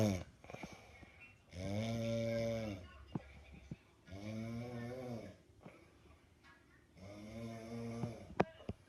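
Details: Buzzing, droning snores on each breath, roughly 20 a minute, with soft clicks between; sleep snoring.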